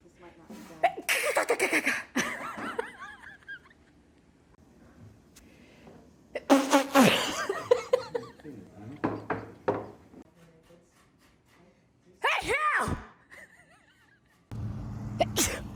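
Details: Person deliberately demonstrating several different styles of sneezing: loud sneezes of varied types separated by pauses, with some laughter between them.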